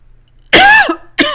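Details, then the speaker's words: Coughing from a ticklish throat after a day of much talking, not sick: one loud, voiced, throaty cough, then the start of a second. "Sorry, guys, my throat is so ticklish."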